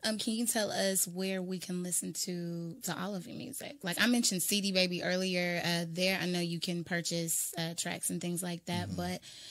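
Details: Adult speaker; Conversational speech.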